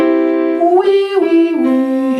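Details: Adult male singing teacher recovering from acute laryngitis that caused complete voice loss for one day; vocal cords not closing fully, leaving a gap; breathy falsetto voice in laryngitis.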